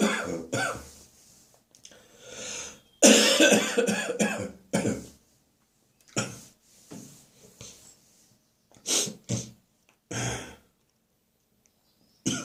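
Repeated sharp, harsh cough bursts in short staccato runs with quiet pauses between.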